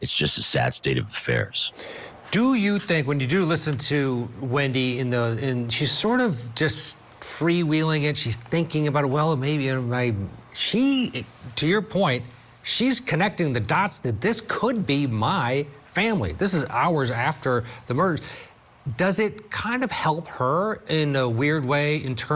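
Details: Adult man speaking; ordinary speech.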